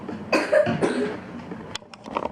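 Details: Young girl kept home from school with a mild fever and cough, possibly ordinary flu, already given cough and fever medicine that morning: a few short coughs over room noise: cough.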